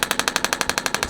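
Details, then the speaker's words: Shockwave therapy on top of the shoulder, treated bilaterally, with a medium-depth red tip, about 300 pulses left of roughly 2,000 per muscle group: rapid, even hammering clicks about twelve a second from the handpiece. "we've got about 300 pulses left on this side we only typically want to do about 2,000 per muscle group"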